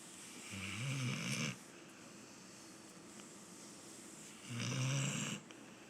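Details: A sleeping companion animal snoring: two low, rumbling snores on inhalation about four seconds apart over steady room hiss; ordinary snoring.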